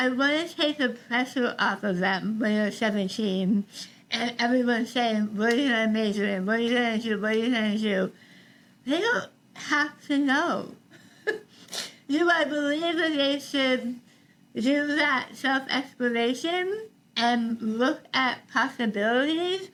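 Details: Adult woman after stage 4 tongue cancer: over half of tongue removed and reconstructed with forearm graft, neck dissection, six weeks of radiation and chemotherapy; some people cannot understand her; articulation disorder after partial glossectomy.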